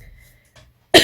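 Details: One short, forceful cough after near silence from an adult woman ill since Wednesday, worsening, who was completely voiceless the day before: cough.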